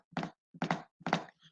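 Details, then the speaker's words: Simulated gallop rhythm knocked out by hand in a cardiomyopathy lesson: three groups, each a soft lead-in then a doubled thud, imitating an added third heart sound that is still heard even when slow. "Mientras que en el ritmo de galope, lo que va a pasar es que se aumenta un tercer ruido, y escuchen la diferencia. Aún así yo lo haga lento, se escucha el tercer ruido."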